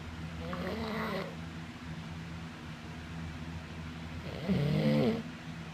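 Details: Two slow, drawn-out rattling breaths with a low humming quality over a steady background hum; snoring.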